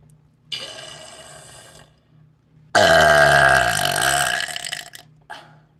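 Two belches: a softer one, then a long, loud, rumbling one lasting about two seconds. Ordinary burping.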